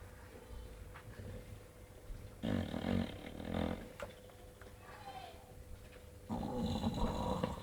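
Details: Two sleeping bulldogs snoring: rough, rattling snoring bursts over a steady low room hum.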